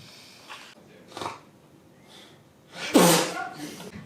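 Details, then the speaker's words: Acted sneezing bout in a comedy sketch: several short nasal bursts ending in one loud explosive sneeze, in a quiet room. "hey police there is some [ __ ] up in here sneezing and it won't stop stop it"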